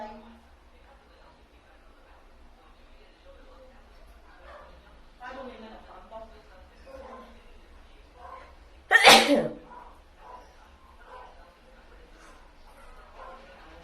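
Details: Quiet voices and room sounds, then one loud, abrupt sneeze burst followed by softer chatter; a single sneeze from a woman who sneezes again.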